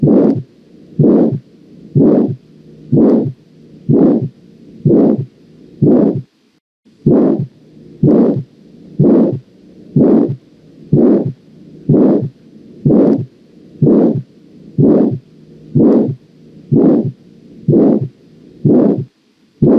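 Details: Harsh crescendo-decrescendo (rising-falling) murmur with every beat, regular rhythm around 62 per minute: characteristic murmur of aortic valve stenosis.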